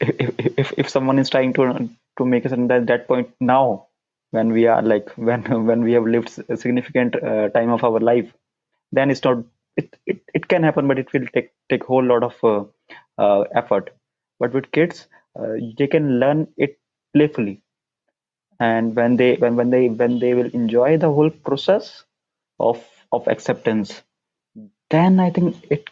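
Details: Adult man who stammers, with onset around nine years old, speaking English; the transcript shows repetitions; stuttering.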